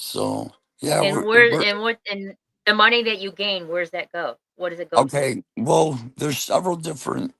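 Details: Adult speakers in conversation; normal voice.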